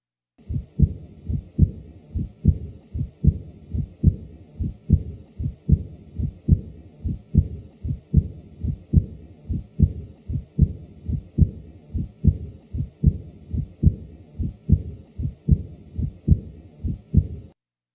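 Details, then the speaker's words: Adult man with mild aortic regurgitation: regular heartbeat with a soft, high-frequency blowing early diastolic murmur right after S2, best heard with the diaphragm at Erb's point, radiating down the left sternal border. "the early diastolic murmur of aortic regurgitation usually has a high frequency blowing quality is heard best with a diaphragm at herbs point and radiates downward along the left sternal border the following example is that of an early diastolic murmur taken from a man with mild a or decree Gurjit ation"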